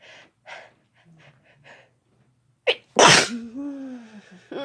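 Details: Ordinary sneezing from a female and a male, no talking: soft breaths and short bursts, then a loud explosive sneeze trailing into a voiced sound.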